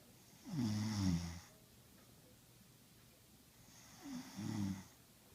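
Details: A father and another sleeper snoring: two loud, low rattling snores on the in-breath, separated by a quiet pause.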